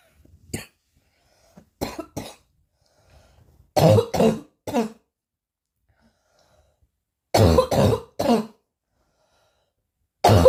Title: coughing hard